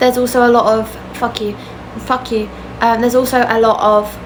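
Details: Adult woman with Tourette syndrome; vocal tics including a swear word interrupt her sentence; vocal tics (Tourette syndrome).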